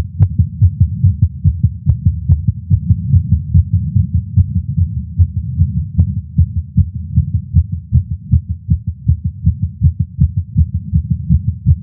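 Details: Male's heartbeat recorded with a Stemoscope while smoking a cigar after not smoking for a while, feeling lightheaded: fast, muffled heartbeat thumps over a low rumble; tachycardia after nicotine.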